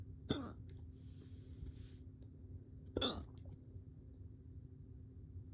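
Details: Male woke up with unpredictable hiccups: two sharp, brief catching sounds about three seconds apart over a quiet, humming background.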